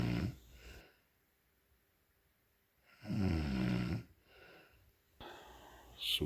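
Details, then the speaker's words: Wife snoring at night, keeping her husband awake again: loud, low, rattling snores on inhaling, with quieter breaths between; ordinary heavy snoring. "Look at her. Still snoring away. Oh man, oh man. Oh jeez, another night. Looks like I'm gonna be up all night."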